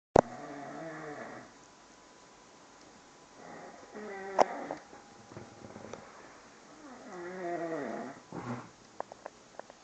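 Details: Dog snoring: soft, slow, buzzing snores, about three breaths over ten seconds, with a few small clicks.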